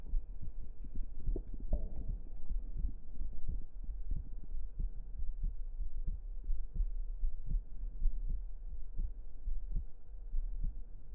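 Steady, regular low thumps of a heartbeat recorded up close, with a faint low hum beneath.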